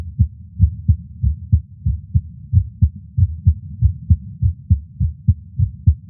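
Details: Own resting heartbeat, audio recorded separately alongside an echocardiogram: steady, regular lub-dub at about 95 beats a minute, a normal heartbeat.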